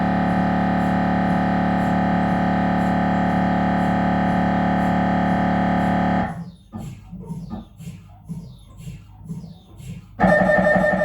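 Loud steady buzzing tone with fast regular knocking, then a pause and rhythmic chirping pulses: MRI scanner running a head sequence.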